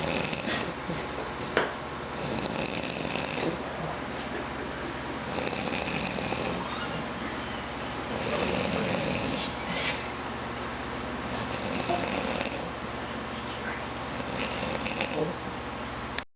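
Irregular snores about twenty a minute, rough and rasping, over a steady hum of room noise. Snoring.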